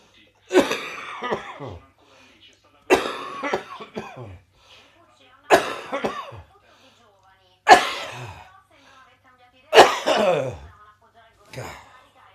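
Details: Cough with wheeze from residual bronchitis: six harsh, wet-sounding coughs a few seconds apart, with a faint whistling tone trailing some bursts.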